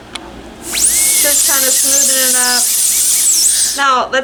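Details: High, wavering dental handpiece whine with faint background voices: a blue football-shaped bur smoothing the edges and cusps of a temporary crown so the patient, possibly still numb, keeps bite occlusion.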